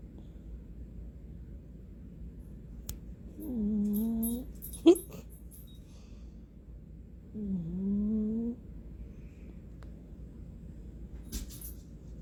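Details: Two drawn-out, buzzy, tonal snores a few seconds apart over a steady low room hum, with a brief click between them.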